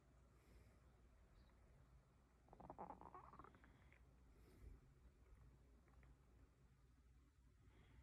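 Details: Male stomach growling (borborygmi).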